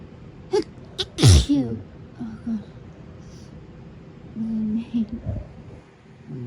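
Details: Sneezing fit while the sneezer's boyfriend teases: two quick sharp intakes, then one loud explosive sneeze, followed by quiet voices and laughter in the room.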